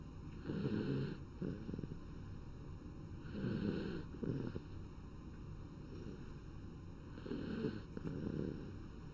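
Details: Snoring: soft, fluttering snores on each inhalation, about 20 breaths a minute, over a steady background hum.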